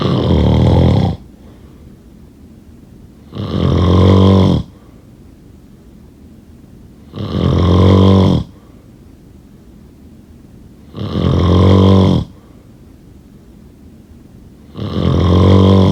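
Loud, regular snores with a buzzing, rattling quality, about 16 a minute, with quiet pauses between; heavy snoring.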